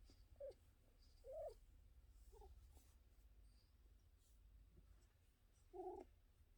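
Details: A cat purrs steadily, with several brief, high whimpering cries over it, just after a coughing spell; whimpering vocalizations with purring.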